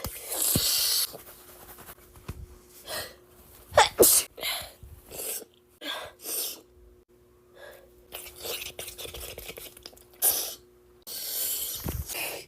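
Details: Adult acting out an allergic rhinitis attack for comedy sneezes repeatedly, with sharp bursts and quick inward breaths.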